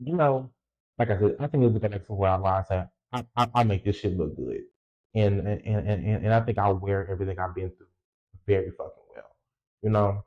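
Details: Stuttering in an adult male podcaster who reports a lifelong speech impediment, real unedited speech.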